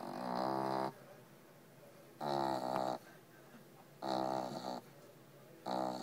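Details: Sleeping French bulldog puppy gives loud, buzzing snores about every one to two seconds, roughly 35 a minute, with quiet gaps between: heavy snoring.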